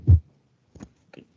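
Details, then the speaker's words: Fourth heart sound (S4 gallop) in unstable angina, from ventricular filling with altered contraction: low heart thumps with a soft extra sound just before the first heart sound; S4 is not specific to ischemic heart disease. "fue el cuarto reto porque no ventricular y bueno si es importante importante mencionar que este cuarto ruido no es específico de la cardiopatía isquémica"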